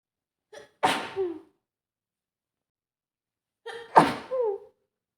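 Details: A woman with a mild cold, runny nose and slightly sore throat sneezes twice, each a sharp in-breath then an explosive burst, about three seconds apart.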